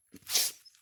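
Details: Involuntary vocal tic from a teenage boy with Tourette syndrome.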